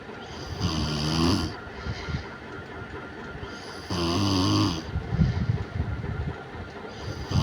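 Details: Sister napping in the daytime after lunch, lights off: loud rattling snores on each breath in, about two in eight seconds, with quiet breathing between; ordinary snoring.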